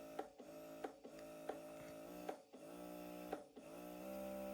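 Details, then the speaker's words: Bellababy electric breast pump demonstrated near the microphone, first mode at level 6: steady motor hum with rhythmic suction cycle about once a second, each with a short click; electric breast pump motor running. "ആദ്യത്തെ മോഡിൽ level 6 നമുക്ക് കിട്ടും. Okay, ഇതാണ് sound."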